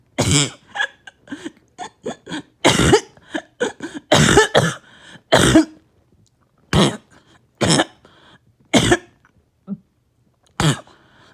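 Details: Bad, uncontrollable barking cough in a patient on medication with little chest pain this episode: about a dozen harsh, explosive coughs in clusters with throat clearing between.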